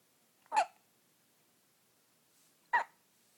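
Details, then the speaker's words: Four-day-old baby boy's first hiccups: two brief, sharp infant hiccups about two seconds apart in a quiet room. "Baby hiccups. Powerful thing. Oh yeah. That was a loud one."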